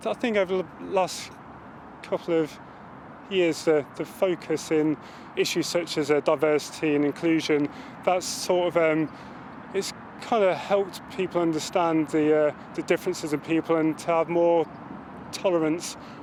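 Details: Adult male Armed Forces serviceman who stammers; word and phrase repetitions are heard; stammering.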